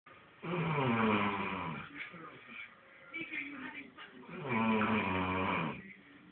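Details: Two loud, rough, droning snores with a softer breathing noise between; snoring.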